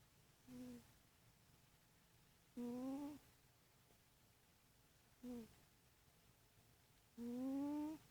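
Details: Cat snoring in sleep in a quiet room: four short tonal snores in eight seconds, alternating brief and longer whistling breaths.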